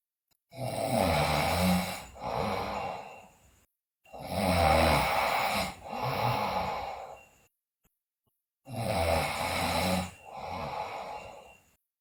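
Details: Three loud breaths, each a harsh rasping intake followed by a noisy outflow, at about 15 a minute, from a sleeping girl also described with bruxism and delirium; loud snoring.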